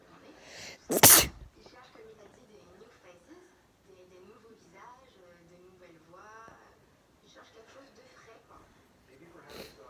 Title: Weird sounding sneeze